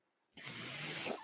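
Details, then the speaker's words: Mechanical ventilator of the podcaster, heard while he talks: after brief silence, a sudden steady airy hiss starts and holds; ventilator delivering a breath. "hello everyone my name is that noise you're hearing is my ventilator"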